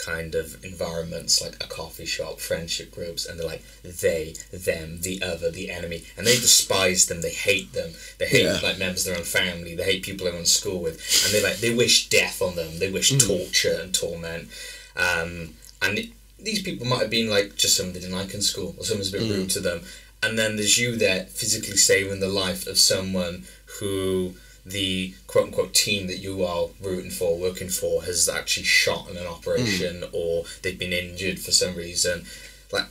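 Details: Adult male speaker; typical speech.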